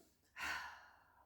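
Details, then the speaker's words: One forceful, breathy open-mouthed huff out that trails off, demonstrated in a week 9 group breathing class: short inhale then a long forced huff out, forcing the air rather than blowing out a candle, to clear airways. "and then a long huff sound out. So you're kind of forcing it out, rather than kind of blowing out a candle."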